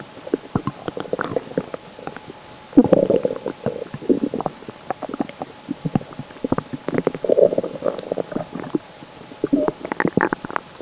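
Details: Repeated loud gurgling, rumbling bursts of stomach growling (borborygmi) from gut movement; hashtags suggest hunger or digestion.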